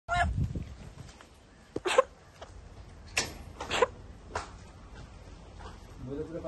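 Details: Dog named Gundu coughing: a short run of about four or five harsh, honking coughs with brief quiet between.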